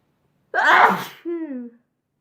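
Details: Sneezing compilation clip: a loud ordinary sneeze burst followed by a short voiced sound.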